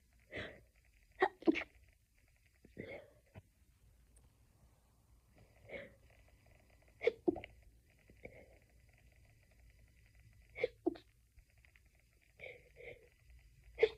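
A run of about ten short, muffled, suppressed sneezes, some in quick pairs, over low steady room hum; a stifled sneezing fit.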